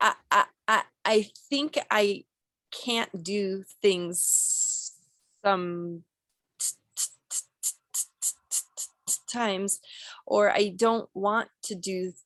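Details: Acted stuttering by a female client in a clinical skills therapy role play, with whole-word and part-word repetitions and interjections.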